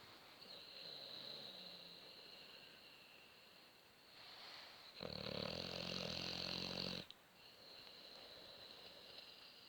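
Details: Sleeping Boxer dog, half covered, snoring: quiet breathing, then one long, loud, rattling inspiratory snore lasting about two seconds.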